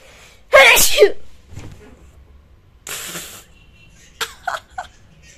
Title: MESSY SNEEZING | PART 2 | UNCOVERED | SNEEZING SAGA CONTINUES#youtube #mystory #vlogwithme #HYD